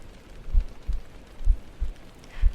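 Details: ASMR stream heartbeat trigger over a soft rain backdrop: soft, deep paired thumps at roughly 60 beats a minute, with light rain-like noise behind; a steady heartbeat.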